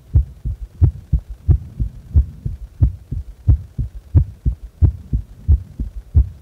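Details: Steady paired lub-dub heart sounds at about 90 bpm, from a recording of heart sounds during breath-holding and afterward; heart sounds.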